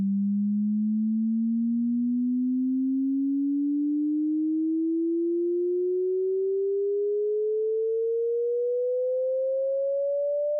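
A steady pure tone gliding slowly upward in pitch, a sweep used to check hearing range.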